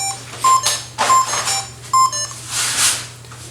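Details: Three short electronic beeps with button clicks and handling noise as the start button is pressed again on a DF 12M infusion pump after setting pressure and time; the pump's start confirmation beep.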